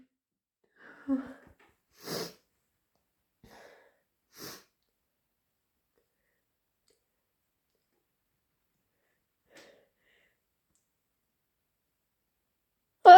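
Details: A deliberately induced, intense sneezing fit: a few sharp, explosive sneeze bursts with short breaths between them, then quiet and one final burst.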